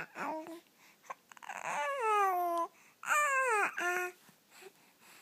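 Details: Infant aged 13 weeks and 2 days making drawn-out, pitch-gliding coos and gurgles in a quiet room; normal infant cooing and gurgling.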